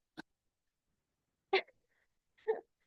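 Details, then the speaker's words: Small dog coughing while lying on the floor: two short, dry coughing bursts after a faint click in a quiet room. "my dog is like I don't know what he's doing he's on the floor like coughing sorry if you hear that he's like this big and he makes too much noise there"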